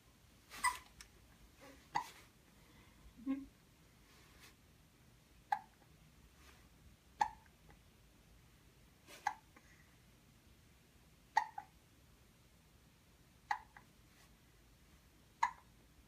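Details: Hiccups in a 1-month-19-day-old infant while watching an elephant toy: about eight short, sharp hiccups at roughly two-second intervals in a quiet room.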